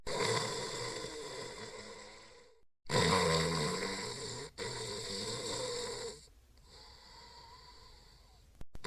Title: Sebastian, Sidney & Dexter Sleeping & Snoring